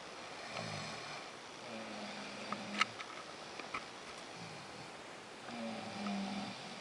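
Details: Soft, low droning snores every few seconds over steady room hiss, with a few faint clicks; quiet snoring at night.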